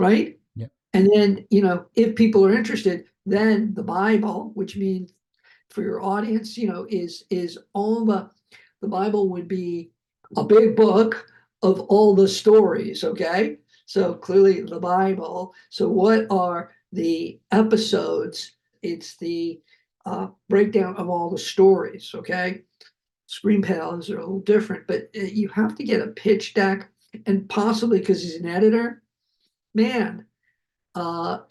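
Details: Adult male Hollywood producer who survived a heart attack and aphasia, speaking in an interview. Finding: aphasia.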